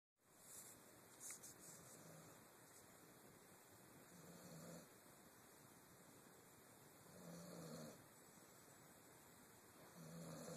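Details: Soft, low snoring from a sleeping dog, about 22 breaths a minute, over steady background hiss. Snoring.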